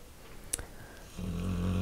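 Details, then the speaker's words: A brief click, then a low, steady rumbling snore in a quiet room: a dog snoring while asleep in the background. "as you can hear rj's dog snoring in the background"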